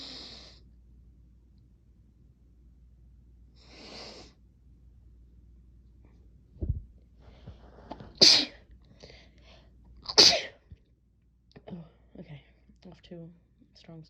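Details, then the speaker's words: Soft sharp inhalations, then two loud explosive sneezes followed by breathy exhalations: sneezes set off by a strong nasal tickle from a brand new chhinkni. "I will try to talk through this, but this brand new chickney is pretty intense."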